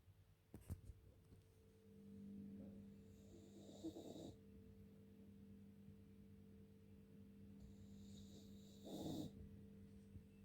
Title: Cane corso Max 4 months snoring :)